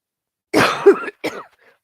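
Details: Cough.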